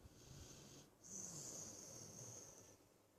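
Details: Staffordshire bull terrier (staffy) sleeping on owner's shoulder: a soft, low snoring breath with a high whistling tone through the nose; snoring in a sleeping dog.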